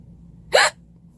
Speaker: so I have hiccups so I was gonna try to record them right now let's see how long they last